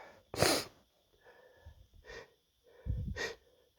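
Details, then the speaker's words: A male sneezes three times, each sneeze preceded by a short indrawn breath; the first is the strongest and the others are smaller; ordinary sneezing. "hey everyone how's it going out there I thought I'd uh put something together and give you some more sneezes here here it goes"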